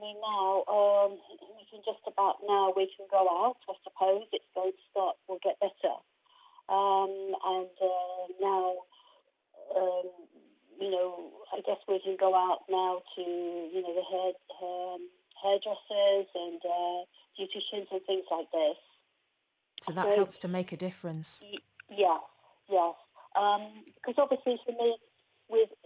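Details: Aphasia in an adult woman after a stroke in 2019; her main difficulty is processing what she hears rather than producing words, and she could not speak at all at first.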